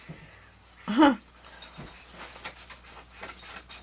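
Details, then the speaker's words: A female pet dog restless while trying to get comfortable gives a short high whine, then soft snuffling breaths and faint whimpers. "Well, my dog is trying to get comfortable here. She is going crazy nuts."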